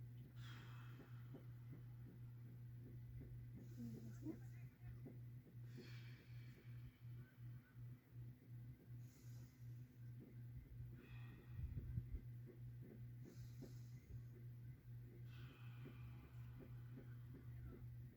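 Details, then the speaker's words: Normal bronchial breath sounds and vesicular murmur on posterior chest auscultation over the lower lobe bases, with the patient inhaling through the nose and exhaling through the mouth during a lung examination demonstration. "tanto los ruidos bronquiales y los murmullos pulmonares total y completamente normales"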